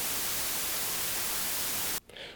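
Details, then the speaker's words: White noise demonstrated as a tinnitus masking sound, with constant energy across all frequencies: a steady, even, static-like hiss. "उदाहरण के लिए, नेत्रहीन, यह सफेद शोर जैसा दिखता है।"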